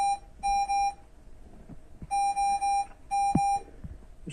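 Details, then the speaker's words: Repeated bursts of high beeps in groups of two and three from a child's home oxygen equipment, which woke the family in the morning; her oxygen level on the tank was then turned up: oxygen equipment alarm. "we were woken up this morning by her oxygen beeping at"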